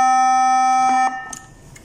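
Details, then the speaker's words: Loud steady high electronic tone cutting off after about a second as the charge button is pressed during a self-test of a Nihon Kohden Cardiolife TEC-5621 defibrillator, checking charging and discharging; defibrillator charge-ready tone. "لہذا میں ڈیفبریلیٹر کو check کرنے کے لیے صرف اس charge button کو دباتا ہوں تو یہاں چارج بٹن ہے جیسے لہذا"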